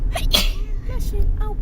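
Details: Single sharp sneeze at night in a moving car, heard over engine rumble and followed by brief voiced sounds; an ordinary sneeze.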